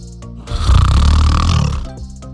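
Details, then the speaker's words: One long, deep, rumbling snore over background music in a satirical parody news short about snoring. "ja Sie haben richtig gehört Schnarchen diese oft als störend empfundene nächtliche Geräuschkulisse soll nun sprachstatus erreichen erstaunliche Wandbreite an Lautstärke"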